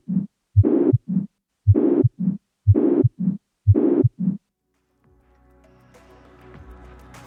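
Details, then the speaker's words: Four regular heart cycles with a loud, harsh murmur filling systole, heard at the left sternal border in the fourth space: the pansystolic murmur of a ventricular septal defect. "при дефектах межжелудочковой перегородки возникает панси салический шум который прослушивается у левого края грудины в четвёртом"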